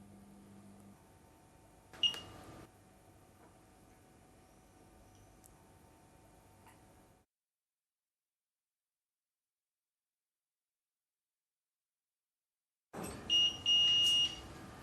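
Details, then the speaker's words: Quiet room, then a burst of high, repeated electronic beeps: Gemstar PCA morphine infusion pump alarm, sounding for problems such as nearly empty syringe, mains failure or cassette to check; silenced with the silence button; nursing training film. "qu'un problème survient la pompe déclenche une sonnerie conclusion seringue presque vide panne secteur cassette à vérifier appuyez sur le bouton silence pour arrêter la sonnerie et trouver la solution du problème"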